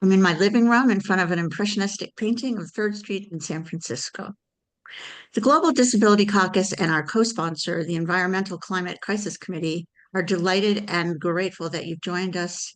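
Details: Older adult woman speaking; normal speech.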